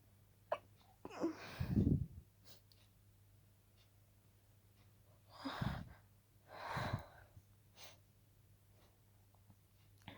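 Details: Night-time stifled sneezing: three muffled, forcefully held-back sneezes, each with a sharp inward catch before a suppressed burst.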